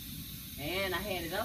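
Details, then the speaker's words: Steady airy hiss from a suction unit tested by hearing before tracheostomy suctioning of a patient on humidified oxygen, pressure dropping slightly, voice overlapping; suction unit hiss during pressure check. "now I'm going to test to make sure that my suction is good enough okay so I just kind of make sure it has a good suction and using your hearing"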